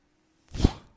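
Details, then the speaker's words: A person's mechanical ventilator heard during a podcast: a single short, airy whoosh with a soft low thump as the ventilator delivers a breath. "hello everyone my name is what noise you're hearing is my ventilator and welcome"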